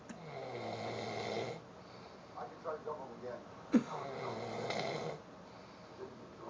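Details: Man snoring so loudly others couldn't sleep, after a concert and drinking: two slow, low, rattling snores on the in-breath with faint room noise between.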